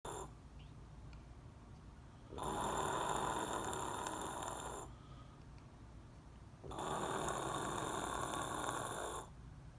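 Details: Person sleeping very deeply, with cheeks and lips visibly moving: two long, loud rasping snores of about two seconds each, separated by quieter breathing, in a steady pattern of heavy snoring.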